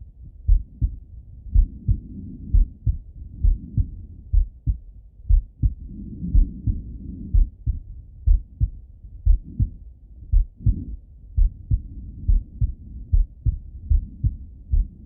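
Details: Normal heart sounds of an adult male auscultating himself with a stethoscope while falling asleep: steady paired heart sounds at about 63 beats a minute, soft breathing noise between beats.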